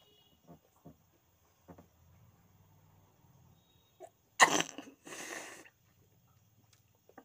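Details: Deliberately triggered sneeze using paper (sneezing paper challenge): a few soft sniffs, then one sharp sneeze with a brief breathy follow-through.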